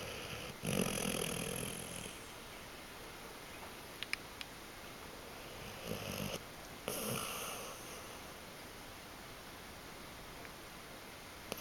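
Two rough, noisy snore-like breaths with quiet gaps between, over a steady background hiss; snoring.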